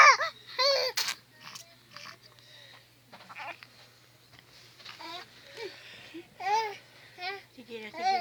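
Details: Baby fussing while being soothed to sleep and offered a feed: bursts of wavering infant crying and whimpering between pauses, with a steady low hum in the room.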